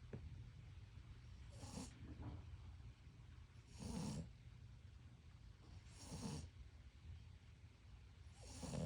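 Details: Sleeping dog snoring loudly with rhythmic rattling breaths, roughly every two seconds.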